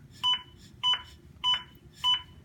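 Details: Zoll AED Plus demonstration during CPR: four regular, evenly spaced electronic beeps from the CPR metronome marking compressions at 105 a minute, with CPR quality tracked.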